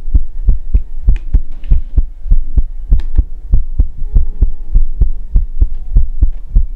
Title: Heartbeat asmr | 2022-06-10